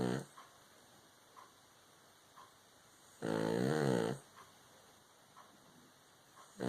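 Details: Baby girl asleep on a person, snoring loudly: a single loud, buzzing snore-like breath amid quiet breathing with soft periodic ticks; snoring.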